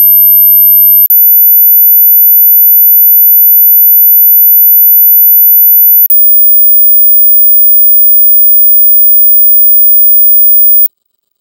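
Steady, very high-pitched pure tones that step slightly higher a couple of times: hearing test tones at the top of the hearing range.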